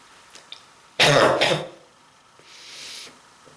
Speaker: Pain on my throat and on my chest because of this strong bronchitis.